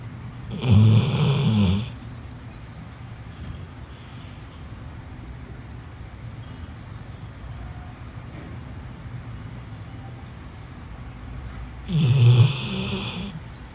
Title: dog snore~